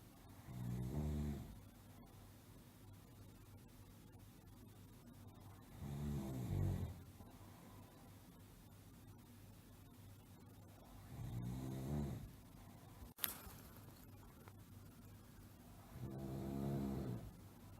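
Slow, regular rumbling snores, about 11 a minute, with quiet pauses between them, from a sleeping adult; sound-effect recording.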